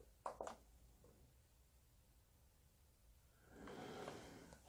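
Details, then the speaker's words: Adult with diagnosed sleep apnea, six months on an auto-set rented ResMed S CPAP, wearing the mask: quiet hiss, two clicks, then soft rushing whoosh of airflow with breathing in and out. "그래서 이 상태에서 숨을 들이마시며 공기가 들어오게 되고 숨을 내쉴 때도 불편함이 없게끔 오토로 세팅이 되어져 있습니다"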